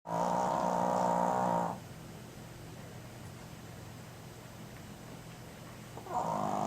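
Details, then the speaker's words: Sleeping dog, Chica, snoring loudly: a loud, buzzing, vibrating breath, a quiet pause, then another buzzing breath; snoring. "Cheeky Chi. Chi-Chi, you snoring? Not getting up?"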